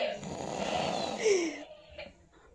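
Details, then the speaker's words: Heavy snoring during sleep from a woman's husband: a single loud, rough, rattling breath noise about 1.5 seconds long fading into quiet breathing in a small room. "देखिए देखिए, ये सो जाते हैं और इसका खर्राटे देखिए देखिए, आप सुन सकते हैं इतने जोर जोर से खर्राटे मार रहे हैं।"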